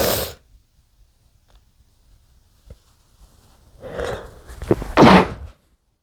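A quick in-breath followed by a stifled, muffled sneeze burst, with a shorter sneeze at the start; sneezing.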